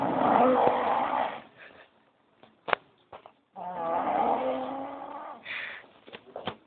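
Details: Very loud snoring from a sleeping person: two long, rough snoring breaths with fluttery vibration, separated by quiet pauses with faint clicks.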